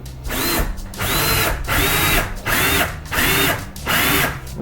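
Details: Sawbones model demo of SEAL small rail fixation for triple arthrodesis: repeated roughly one-second bursts of high-pitched surgical power drill whine as a 4 mm centrally threaded pin is driven into the model calcaneus.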